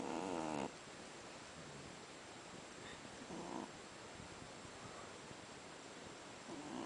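Brief, soft, nasal snorting snores every few seconds over steady background hiss; ordinary snoring in a sleeping puppy.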